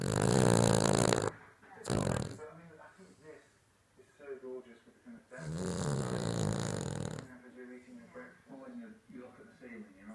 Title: My cav snoring